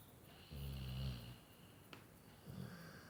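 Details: Sleeping dog snoring: low, rumbling snore on one breath, then a quiet pause and a softer snore beginning.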